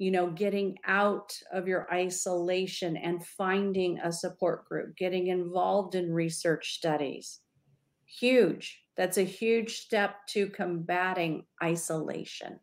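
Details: Adult woman speaking; normal speech.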